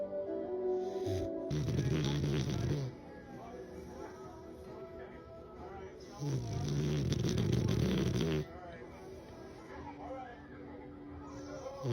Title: #oldeenglishbulldogge #snoring #naptime #fok funny moments of bulldogs resting!